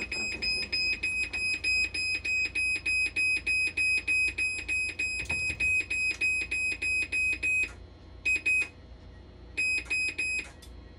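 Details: Rapid repeating high-pitched electronic beeps, pausing briefly near the end, from a hemodialysis machine showing a low flow error during repair and troubleshooting; dialysis machine alarm.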